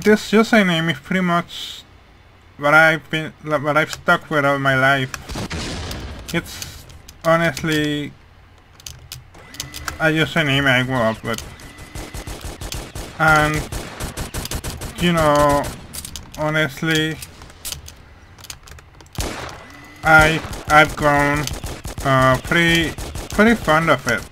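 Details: Speech of a man with hearing loss, which he says mainly causes how his voice sounds, rather than his accent.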